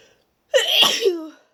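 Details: Deliberately induced wet sneeze, itchy and tickly after a long break from inducing: a single explosive sneeze with a voiced onset and a wet, sputtering burst trailing into a short falling tone.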